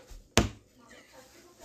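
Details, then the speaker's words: Young woman with hiccups, her third bout of the day, recorded during an evening check-in. "okay so I wanted to come in real random I have the hiccups this is the third time today that I've had the hiccups"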